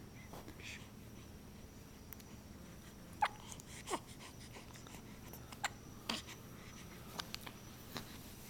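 Soft, sharp little catches repeat at irregular intervals in a quiet room: newborn hiccups.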